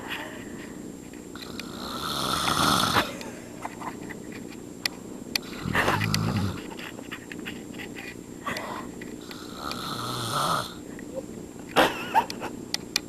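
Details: Adult man (step-dad) snoring in sleep, low rumbling snores on in-breaths over steady room hiss; snoring.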